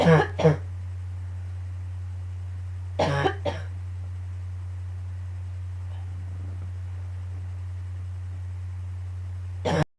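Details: Just after waking, a morning coughing fit that started to hurt at the end: clusters of two or three harsh coughs separated by pauses, over a steady low electrical hum.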